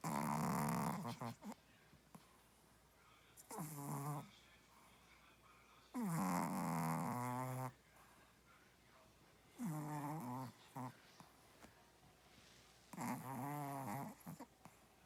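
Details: Sleeping dog dreaming with eyes open; four loud, rough, buzzing snores separated by quiet pauses, roughly ten a minute; snoring.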